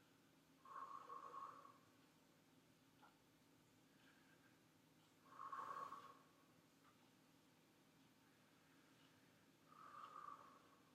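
Three soft, even whooshing deep breaths over the back, with no crackles or wheezes: normal vesicular breath sounds.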